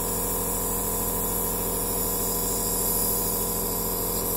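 Steady buzzing hum with a hissing spray, the continuous running sound of a nebulizer machine.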